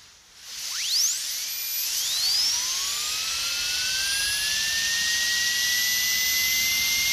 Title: Dentist Drill Sound Effect